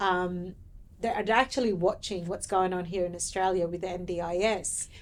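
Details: Adult woman speaking; ordinary speech.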